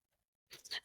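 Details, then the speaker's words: A tiny dog's single short, harsh, hacking cough, quiet in the background of a room, said to sound like a large man coughing. "It's her dog. It's it's Britney's dog coughing and I think it's funny. It sounds like a grown 400 pound man in the background coughing."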